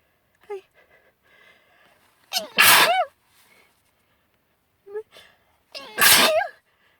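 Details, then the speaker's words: Spring allergy sneezing, attributed to pollen on a windy March day, recorded indoors: two loud sneezes a few seconds apart, each preceded by a short catching breath. "I'm going sneeze sneezing I have really long hair and I think I get I pollen and pollen in [Music] it"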